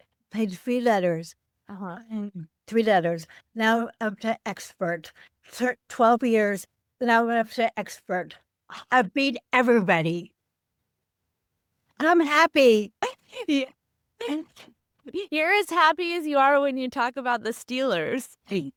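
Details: Adult woman with aphasia affecting word-finding, caused by a stroke on Thanksgiving Day 2012, about 13 years earlier; aphasia.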